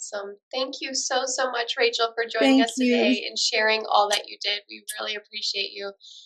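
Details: Adult woman speaking; normal speech.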